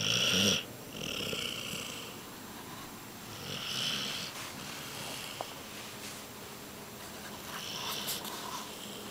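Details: Female Basset Hound snoring loudly while asleep; dog snoring.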